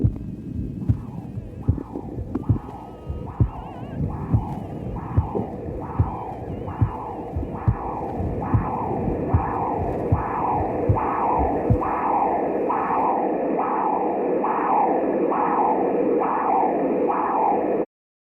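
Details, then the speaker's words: Normal transcranial Doppler flow signal from the terminal internal carotid artery: rhythmic whooshing arterial pulses at about 70 a minute. "So that was the terminal internal crowded."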